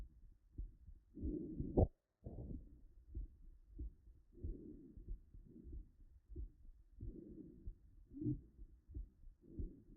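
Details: Mitral stenosis: regular heart sounds with a low-pitched, rumbling diastolic murmur filling the pause after the second sound, heard with the stethoscope bell.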